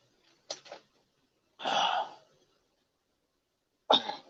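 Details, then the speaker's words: Three harsh cough and throat-clearing bursts in a quiet room during a livestream; the adult says he really does spit up blood and "got blood everywhere", which the sound alone cannot confirm; cough. "I really do spit blood up okay there you go for you non-believers give me a cow oh God damn it okay got blood everywhere"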